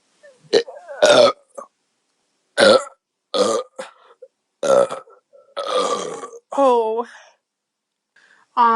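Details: Woman burping after chugging beer and deliberately swallowing air: a run of repeated loud, voiced burps, some long and drawn out, with short pauses between them.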